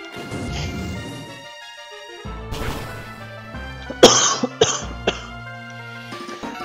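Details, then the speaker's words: Adult man who says he has fallen ill, caught from his father: three short, sharp coughs, one strong burst then two smaller, over video game music during gameplay commentary; cough. "si je tousse mais je suis tombé malade. Ah, c'est terrible qu'on est malade."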